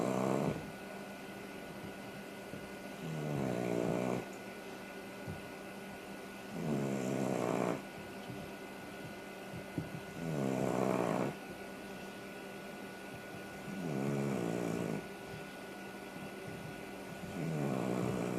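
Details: Female dog sleeping on her back: steady rhythmic low rattling snore about every 3.5 seconds, roughly 17 breaths a minute, over constant background hum; snoring.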